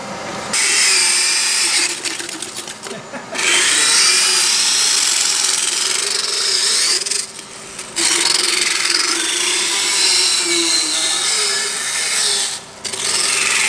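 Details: Loud grinding whine of a power dental float in bursts with short pauses, filing a horse's teeth; the horse feels the vibration, which can make it shake and move, but no pain.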